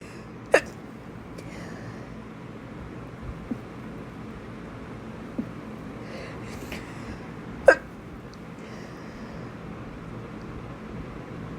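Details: Person with dust allergies, with a dusty fan beside the bed, has a small sneezing fit at night: two sharp, muffled, stifled sneezes a few seconds apart against steady room noise.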